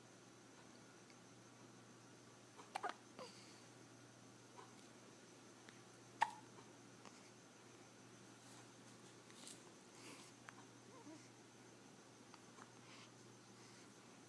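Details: Several short, sharp ordinary hiccups in a quiet room with low steady background hum.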